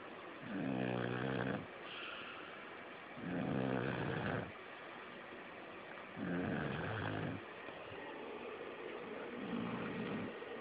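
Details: A sleeping female snoring so loudly it could be heard from the front porch over the air conditioner: loud, rattling snores about every three seconds, roughly 20 a minute, with steady fan or room hum between them.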